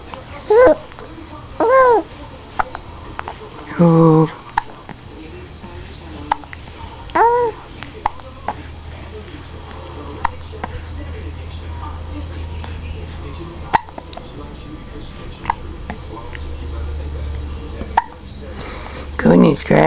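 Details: A baby girl with hiccups gives short, abrupt vocal catches every second or so, some ending in a brief fussy cry as they upset her, over low room hum; repeated hiccups.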